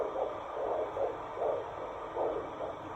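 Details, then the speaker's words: Rapid rhythmic whooshing pulses, about 150 a minute, over steady Doppler hum: fetal heartbeat on handheld Doppler at a midwife appointment, about 14-15 weeks pregnant. "sound very happy in there very cheeky already look there you go"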